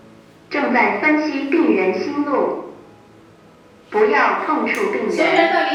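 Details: Two bursts of a calm recorded voice giving spoken instructions, with quiet room noise between: AED training unit voice prompts during a first aid class CPR practice.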